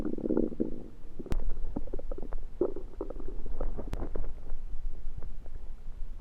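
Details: Loud active borborygmi: low gurgling and rumbling belly noises with scattered pops and bubbling, late after eating a home-cooked meal the person thinks was undercooked, late February 2023.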